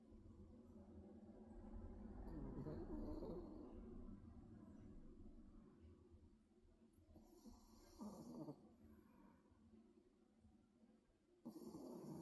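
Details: Snoring during sleep with low rumbles plus a few brief vocal sounds, like talking in sleep; normal.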